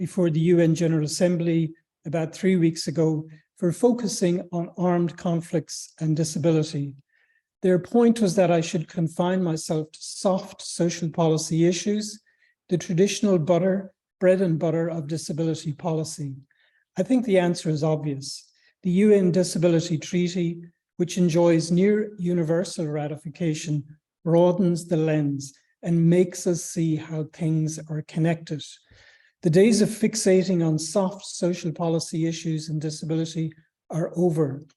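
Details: Adult speaker; normal fluent speech.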